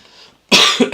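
A single sharp, forceful cough after a quiet start: a lingering cough following a recent illness.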